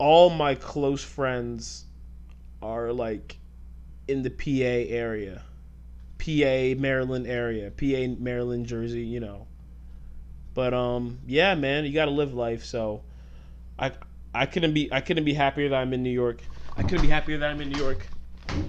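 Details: Stuttering since childhood in an adult male, worse when talking fast or passionate; he tries to control it by speaking slowly.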